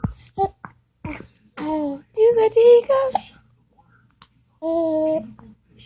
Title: Halarious baby talks through hiccups!